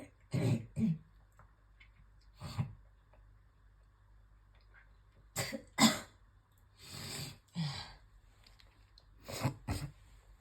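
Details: Harsh throat-clearing hawks, short coughs and spitting: coughing up and spitting out heavy phlegm, with retching, after a coughing fit while brushing teeth that caused nausea.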